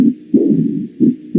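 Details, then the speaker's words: Low rumbling mid-diastolic murmur heard at the apex (mitral focus) in left lateral decubitus, from regurgitant jet compressing the anterior mitral leaflet in severe aortic regurgitation: Austin Flint murmur. "se escucha este soplo de Austin Flynn, por compresión sobre la mitral, que está acá, a ver si lo puedo señalar acá, la hoja de la mitral está comprimida por el chorro regurgitativo y produce este soplo de Austin Flint."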